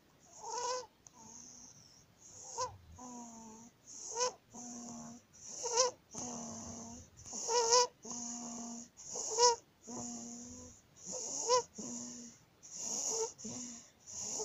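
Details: 19-day-old baby with laryngomalacia: repeated high-pitched noisy squeak on each breath in, about 36 breaths a minute, with crowing cry-like sounds; inspiratory stridor.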